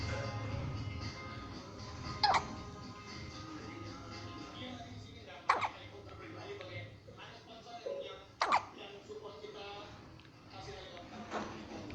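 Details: Hiccups in a one-month-old baby girl: three short, sharp hiccups about three seconds apart, over background music and talk.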